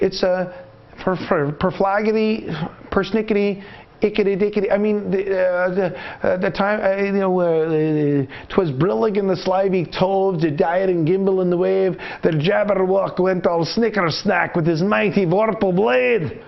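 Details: Lecturer's acted imitation of Wernicke's aphasia, which he notes can be caused by thiamine deficiency, with impaired comprehension and unawareness of the nonsense speech; Wernicke's aphasia (fluent jargon speech).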